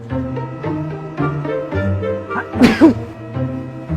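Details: Sneezing: one loud, forceful sneeze burst over background music in a "fire sneeze" prank clip.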